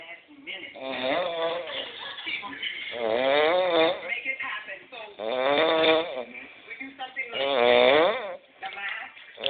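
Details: Adult roommate snoring heavily at night, keeping the listener awake: loud, drawn-out, rough, buzzing rattling snores in long bursts about every three seconds.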